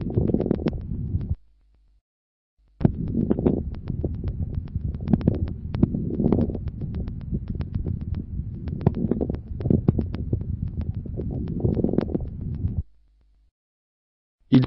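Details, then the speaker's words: Mid-inspiratory crackles: dense crackles dominating mid-inspiration, sparing its start and end, variable from cycle to cycle, often with some expiratory crackles; reflect bronchial secretions. "domine au milieu de l'inspiration et respecte le début et la fin d'inspiration ils traduisent l'existence de ces questions bronchique d'où leur caractère variable d'un cycle à l'autre et leurs associations fréquentes à quelques crépitant expiratoire"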